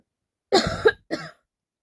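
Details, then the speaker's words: Real cough in an adult woman with a winter cold, sore throat, taking cough syrup, throat irritated while eating: two short harsh coughs. "अभी मतलब खाते खाते मेरा एकदम से गला ही उधर उधर हो गया खासी सही में हो रहा हो रहा है"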